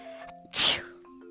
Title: BLESSED SNEEZE #7